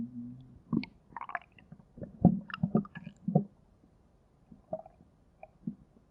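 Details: Low gurgling rumbles and squelching bursts from a belly, clustered then fading to quiet: stomach growling (borborygmi).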